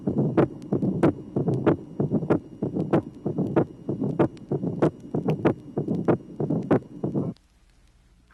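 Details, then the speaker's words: Right bundle branch block, from a 1967 vinyl teaching record: heartbeat about 95 a minute with split first and second sounds (tricuspid and pulmonary close last) and a mid-systolic ejection murmur ending well before the second sound. "tracing number six split first and second sounds in a patient with a right bundle branch block the tricuspid and pulmonary valves close last"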